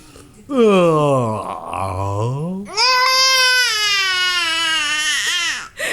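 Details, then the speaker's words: Loud, sustained crying of a 2-month-old baby with rising and falling wails, two long cry breaths separated by a brief catch, after being startled by father's yawn; infant crying. "okay I told you I yawned started to cry like why"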